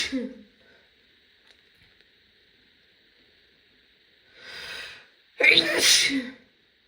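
Two loud sneezes from an adult woman, the second more forceful, each with a short intake of breath before it; an ordinary sneeze.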